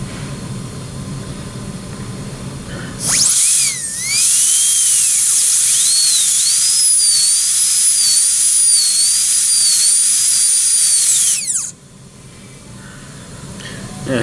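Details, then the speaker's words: Dental handpiece with a 330 inverted-pear bur making a central punch cut toward about 1.5 mm depth, starting a Class I cavity preparation on a typodont: sharp high-pitched whine, wavering in pitch for about eight seconds, then stopping. "you can tell I've made my punch cut down uh Pro probably to about 2/3 of the way down the cutting surface of the Burr"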